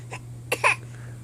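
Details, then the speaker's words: A young child named on request makes a fake cough: a faint small huff, then two short, sharp deliberate cough bursts; voluntary cough. "oh oh my goodness oh that's such a terrible cough"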